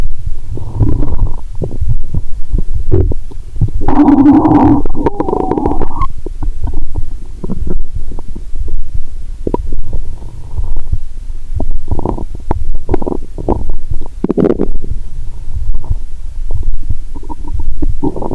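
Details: Stethoscope on the abdomen of a woman lying down after drinking 1.5 L cola with swallowed Mentos: irregular low gurgles and bubbling rumbles with louder squelching bursts over constant stethoscope hiss; active bowel sounds.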